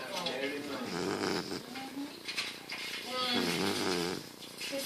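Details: Sleeping pet snoring while twitching, perhaps dreaming: soft purring, rattling breath sounds.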